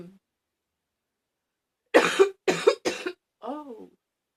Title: # 62 a lil barky cough